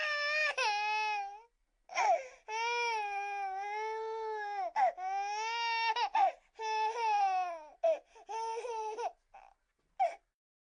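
Sustained, wailing infant cry in long bursts broken by gasping breaths; an ordinary, vigorous baby cry from a sound-effect recording.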